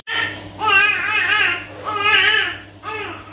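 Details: First cries of a mother's first baby just after a gentle natural birth attended by a midwife: three strong, clear wails with wavering pitch in a quiet room; newborn cry.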